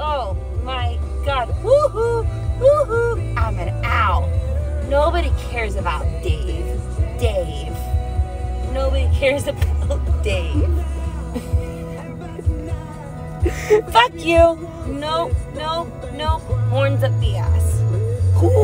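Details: Tourette syndrome in a female creator: sudden, unexpected flare-up of involuntary vocal tics, including phrases and swearing, with background music.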